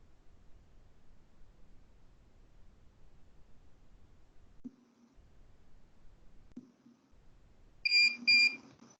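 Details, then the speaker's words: Dental curing light during a Class IV anterior-tooth restoration demonstration, tip held nearly in contact and perpendicular, on the palatal face: two short high-pitched beeps marking the 20-second light-curing cycle in a quiet room. "Pronto. 20 segundos de fotopolimerização."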